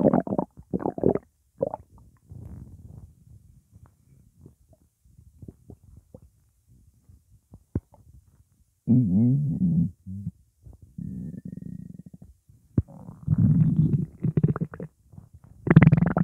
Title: Stomach Growling Sound Effect / Sound Of Stomach Gurgle / Upset Stomach Rumbling Sound